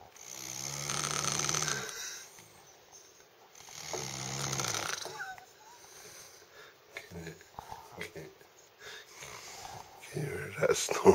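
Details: Snoring from a sleeping person described as absolutely hammered (heavily drunk).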